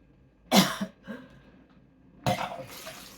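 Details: Woman with 22q11.2 deletion syndrome, autism and ADHD, intense nausea at 2 AM despite ondansetron and CBD/THC, heart rate rising to 90, oxygen saturation 96–97%: two forceful gagging heaving bursts with wet throat noise, retching and vomiting large fluid volume.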